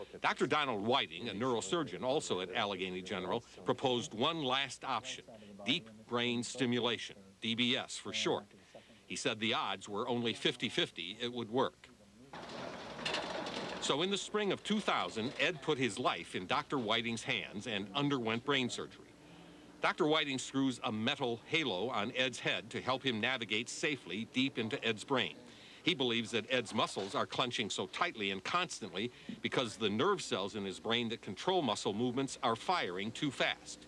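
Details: Adult male narrator; normal speech.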